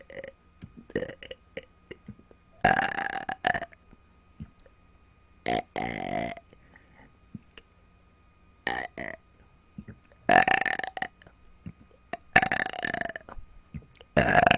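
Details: An adult woman producing a series of about six loud, voiced belches on command, separated by quiet pauses, recorded as sounds only: repeated deliberate burping (eructation).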